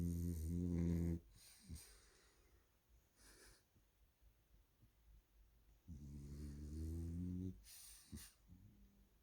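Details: A 1-year-old French bulldog makes deep, rattling snores with snorty breaths and snuffles between them; snoring.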